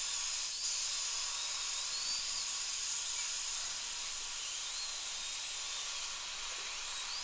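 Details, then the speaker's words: High-speed dental drill with a 2 mm ball bur prepping upper molar tooth #2 for a porcelain crown, numbed patient, rubber dam in place, after old amalgam removal: steady high-pitched whine with slight pitch shifts over constant hiss. "so it's a lot easier here to to prep uh this far back in the mouth with a ball"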